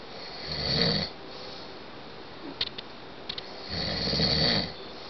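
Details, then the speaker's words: Adult man snoring loudly in bed at night: two loud, harsh, rattling snores on breathing in, separated by a quiet pause; heavy sleep snoring. "yeah you're snoring really loud and I finally got you on tape roll over you're snoring really loud you're going to hurt your throat"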